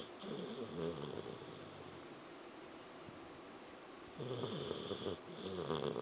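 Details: Sleeping Samoyed dog snoring, with soft rhythmic rattling breaths and a gap between them in a noisy room.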